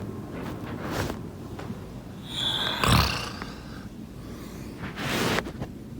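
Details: Snoring sounds recorded during sleep.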